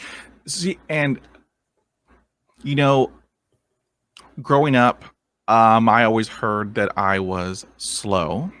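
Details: Stuttering in a 23-year-old man, a lifelong stutterer since early childhood who has had speech therapy and attended an intensive fluency program.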